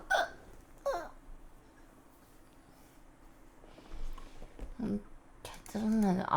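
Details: A Korean Twitch streamer with hiccups during a live stream: sudden short voiced catches, several over a few seconds, amid quiet room sound and some talk.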